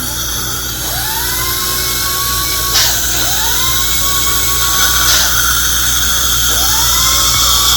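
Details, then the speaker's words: Dental prophy polisher during an adult's first dental cleaning, polishing step: high-pitched handpiece whine rising in pitch as each burst starts, repeating in short runs as each tooth is polished. "I like to take my time and really polish. Some hygienists, they just touch each tooth. No, I like to really take my time."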